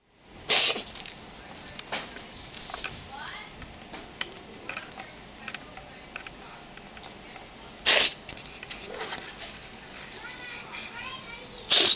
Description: Ava, my cat, sneezing her head off.